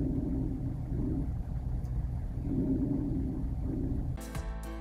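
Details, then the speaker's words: Faint, muffled low breath sounds in soft, slow swells, an example of diminished vesicular breath sounds, as in frail elderly, shallow-breathing, obese or highly muscular patients, inspiration to expiration ratio 3:1 to 4:1; music starts at the end. "they exhibit a normal inspiration or expiration ratio of three to one or four to one listen to an example of diminished vesicular breath sounds"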